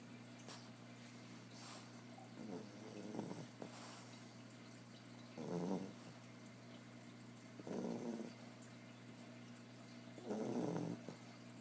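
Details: Loud snoring from someone asleep on a couch beside the recorder: soft, rough snores with each breath, about one every two to three seconds, over steady room hum.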